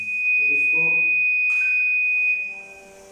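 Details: Innomed Cardio Aid 360 B defibrillator in manual mode, charged to 100 J with the paddle charge button: steady high-pitched tone over a rising charge tone and faint voice; the unit is charged and ready to shock.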